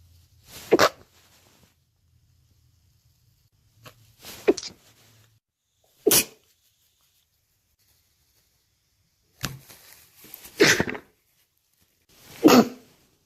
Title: New Years Sneezes